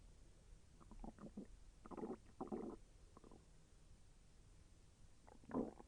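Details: Stomach sounds during digestion, with intestinal movement felt as slightly painful: soft, bubbling gurgles in several short runs over about six seconds; bowel sounds (borborygmi).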